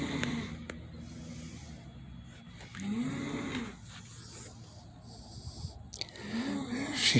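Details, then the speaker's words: Slow, rough, rumbling sleep breaths with a whistling edge, about two in seven seconds, from a woman on vacation asleep after taking a muscle relaxer, likened to a busted chainsaw; snoring. "took a muscle relaxer. She's out like a light. We have some movement. Are you awake? I am. She sounds like a busted chainsaw."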